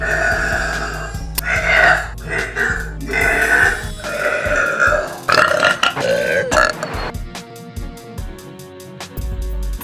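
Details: Girl deliberately trying to do deep burps: long, loud, voiced belches in a run with background music; repeated burping.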